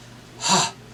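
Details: Husky hoarseness from air leaking through a gap between the vocal cords, heard as white noise; breathy hoarseness.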